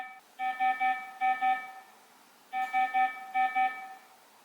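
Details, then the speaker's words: Two repeated groups of five quick, high electronic tones from an IMPALA patient monitor: the red emergency alarm for a critical vital sign (e.g. critically low oxygen saturation) needing immediate response. "emergency alarms can be recognized by the vital being highlighted in red a blinking red light at the top and it sounds like"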